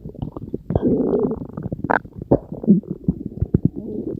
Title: Other stomach growl sounds.